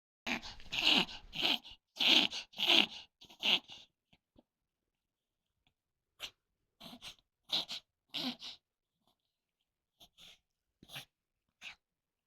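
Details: Poodle with occasional episodes, which the owner says are said to be common in poodles and worrying when sudden: bursts of rapid, snorting inward breaths that pause and then resume; reverse sneezing.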